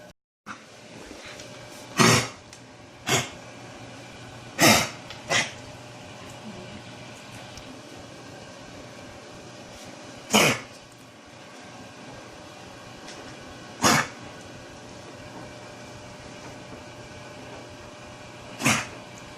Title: Hacking Cough